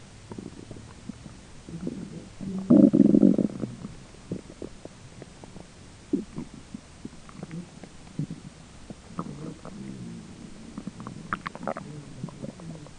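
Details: Own belly recorded during digestion: low gurgling and rumbling with scattered soft pops, faint roommate talking in background; ordinary digestive bowel sounds.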